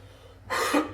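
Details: Single short, dry cough or throat clear from an adult man who says his throat is bad and he is losing his voice, after a quiet pause with a faint steady hum behind it.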